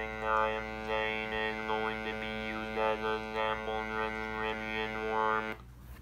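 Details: Hands-free electrolarynx necklace prototype for people after laryngectomy, demonstrated by students: a steady, flat mechanical buzz carries mouthed speech in a monotone robotic voice, recorded by an ESP32 microphone for speech-to-text.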